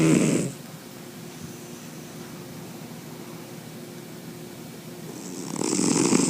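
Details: Loud, harsh, rattling human-sized snores at the start and end, separated by quiet breathing, from a sleeping white cat; audio recorded from a distance so as not to wake him.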